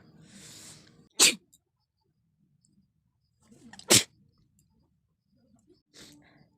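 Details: Two sharp explosive sneezes, each after a short in-breath, then a brief nose blow; ordinary sneezing.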